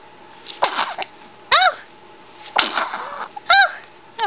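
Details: Infant girl sneezing: four small, sharp sneezes about a second apart, each with a brief squeaky tail.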